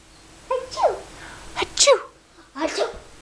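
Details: Three brief, sharp bursts of air with noisy onsets in a quiet room, made while copying sneezes (imitated sneezing); sneezing.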